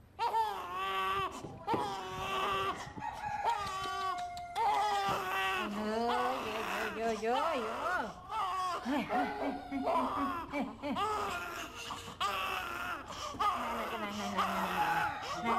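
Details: Little baby crying loudly from hunger while waiting for mother to breastfeed: rhythmic, insistent infant wailing in repeated bursts, with adult voices talking in a busy room.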